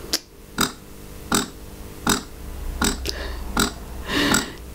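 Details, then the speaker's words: Pumpables Super Genie electric breast pump, controlled by app at lowest vacuum level in stimulation mode: soft rhythmic whooshing pulses, about 80 a minute, over a low motor hum. "so you can see i'm gonna try and hold it so you can see the settings here if i can find a good spot okay so this is the lowest site vacuum level on stimulation mode"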